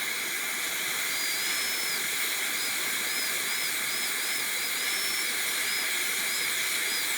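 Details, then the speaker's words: High-speed dental handpiece with a steady high-pitched whine and constant suction hiss, pitch dipping as the bur makes light guide cuts starting at the buccal groove on typodont tooth #18 during a simulated gold onlay preparation. "so i will start out on the buccal groove and i'll do a light guide cut up here on the mesial and another one there"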